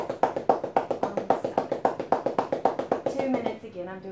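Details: Manual chest physiotherapy for airway clearance in cystic fibrosis: rapid, even hollow cupped-hand claps about 220 a minute on the back of a child lying on his belly, to loosen airway mucus.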